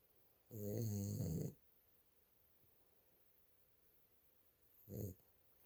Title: Lil Caeser, sleepy snoring time.